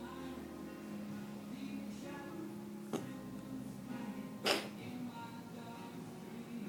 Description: coughing, once at about 7 seconds, then again at about 32 seconds.